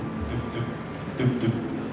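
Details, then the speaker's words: Two soft lub-dub heartbeats at roughly 60 a minute over room noise, demonstrated as valves closing between heart chambers so blood flows one way: normal heart sounds. "and that is the sound of walls doors closing in between these chambers so that blood never runs backwards it always goes in one direction so you're actually hearing the heart working"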